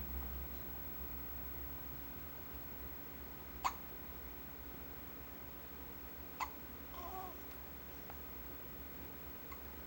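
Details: Awake infant boy, fed about 15 minutes earlier, possibly sucking his thumb: two sharp, brief clicking gulps about three seconds apart over steady room hum; infant hiccups.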